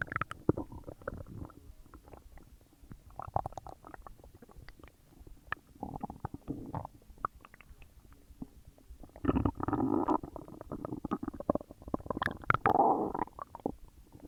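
Loud gurgling and bubbling rumbles come in waves, with crackly squelches. These are normal digestion bowel sounds after a large meal.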